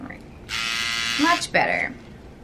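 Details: A steady high electric buzz for about a second, like a small shaver, from a microneedling pen on the face during a first treatment for acne scars and pores; a brief voice follows.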